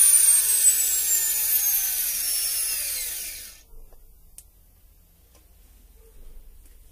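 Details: Electric dental handpiece: high-pitched whine winding down in pitch over about three seconds, then near silence; dental handpiece spinning down.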